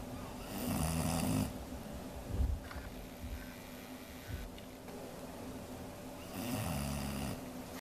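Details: Two loud, low, rumbling snores about five seconds apart from a dog, with softer breathing and room noise between; snoring.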